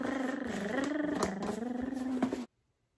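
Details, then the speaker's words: Snoring of a sleeping child heard in the background of a night-time recording. "can hear snoring"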